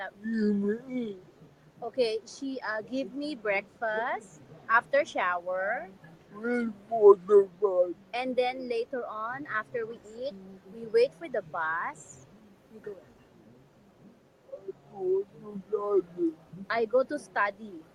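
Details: Adult man with severe cerebral palsy; speech is hard to understand, and his wife repeats his words afterwards; dysarthria due to cerebral palsy.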